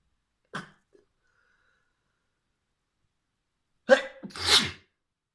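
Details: A short sharp sniff or catch, a pause, then a build-up and one explosive wet sneeze, from a trans woman deliberately inducing sneezes with a fluffy white feather; sneezing.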